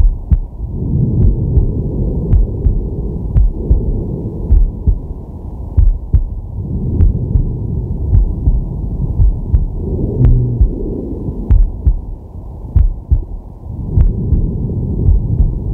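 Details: Man's heartbeat and breathing via digital stethoscope on the chest while relaxing/sleeping: low, regular thumps under slow, deep breaths; normal heart sounds.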